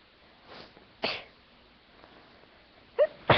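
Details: Dust-induced sneezing fit after cleaning a room: a few short, sharp, breathy bursts in a quiet room, with a long pause before a final stuck sneeze finally comes out.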